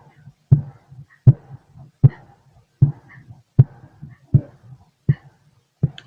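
Steady heartbeat through a stethoscope, about 78 beats a minute, with clear lub-dub pairs.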